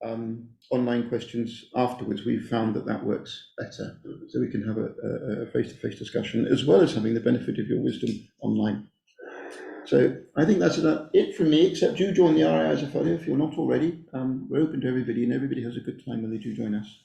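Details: Adult male speaker; normal voice.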